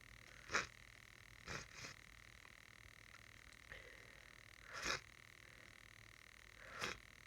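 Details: Sneezing fit from a person sick with a cold: about five short, sharp, explosive sneezes, some close together, in a quiet room.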